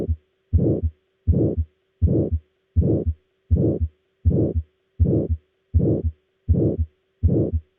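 Regular heartbeat at about 81 a minute, each beat carrying a harsh rushing murmur before the second sound, a systolic murmur of aortic stenosis; faint steady hum behind.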